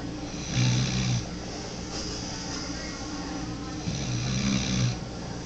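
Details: 9-month-old pitbull mix puppy asleep: loud, low rumbling snores, two long inspirations in about five seconds, over steady background hum; ordinary snoring.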